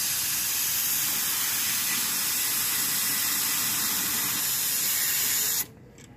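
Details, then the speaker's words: Steady hissing spray for about five and a half seconds, then stops: irrigation flushing bone fragments and debris from a tooth extraction socket during oral surgery on a numbed patient. "Now we're gonna irrigate again because we have fragments and debris."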